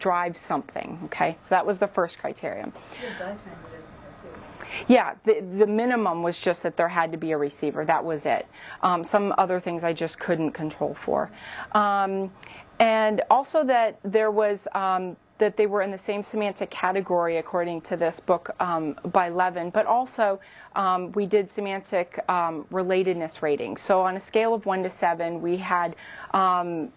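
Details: Adult speaker; typical speech.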